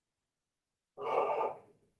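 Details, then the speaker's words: Normal breath sounds on a live person during EMT class auscultation practice, stethoscope at the second intercostal space over the upper lung lobes after starting at the apex above the clavicle, patient breathing in and out through the mouth. "Now we're going to inch down to the second intercostal space. And this is where we're going to start listening to our upper loes of our lungs."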